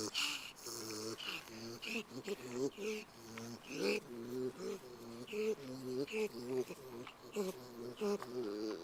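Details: About 10-week-old, 13 lb young pig with worsening wheezing as he grows; repeated harsh, tonal snorting breaths, recorded while sleeping, vet says sounds like a bulldog; suspected upper airway obstruction (epiglottis, soft palate), no response to antibiotics or Benadryl.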